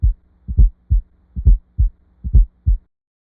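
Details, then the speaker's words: Simulated fourth heart sound (S4, atrial gallop) at about 68 a minute, each beat led by a soft extra late-diastolic thump. It is heard best at the cardiac apex with the stethoscope bell and arises from non-compliant ventricles. "The S4 heart sound is heard best at the cardiac apex with the bell of the stethoscope. It is heard in late diastily and is often described as an atrial gallop rhythm."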